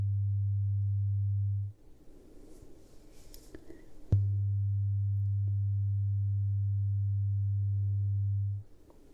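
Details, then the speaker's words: Acted ASMR ear-exam role-play with headphones: steady low pure beeps lasting several seconds with short gaps; listener raises hand on hearing each and names which ear; audiometry test tones. "Alright, so next we have some headphones and we're gonna put them on and we have a beep test, okay?"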